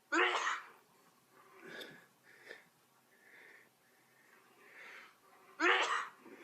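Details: Two sharp, explosive sneezes about five seconds apart with soft snuffling breaths between; sneezing, possibly from a dog.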